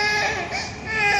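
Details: Baby crying: loud, high-pitched wailing cry with a falling pitch contour; ordinary infant crying.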